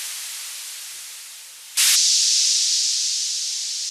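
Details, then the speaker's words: Customizable tinnitus masking noise from the BeHear ACCESS Model II hearing amplifier headset, adjusted via app grid for frequency and pitch: steady white-noise-like hiss that jumps louder and stays on. "sound that matches your tinnitus, you can then save that. And the next time you activate the tinnitus masking it will use that customized sound."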